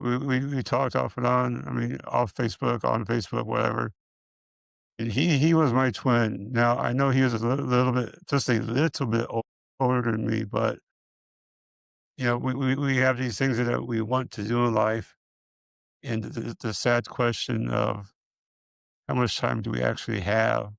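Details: Man with multiple system atrophy, parkinsonian type (MSA-P), who reports his speech has more of a stutter and tremor, more noticeable after the first two minutes; dysarthria with stuttering-like repetitions.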